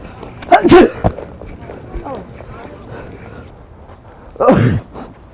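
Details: Two loud, sudden sneezes acted on people as a flu prank, not genuine illness, with street noise and voices around; simulated sneezing.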